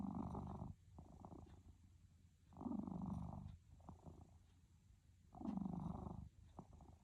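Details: A sleeping pet cat gives low, rattling snores in three loud bursts with softer breaths between, about 20 breaths a minute; snoring.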